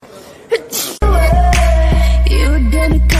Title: Sneeze edit